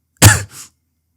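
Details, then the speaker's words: Single harsh cough from an adult man, attributed to the warehouse's swings between cold and hot: a loud burst with a softer trailing tail. "I hope it's not been too annoying. This building is so shit at keeping the temperature regulated, and I get it."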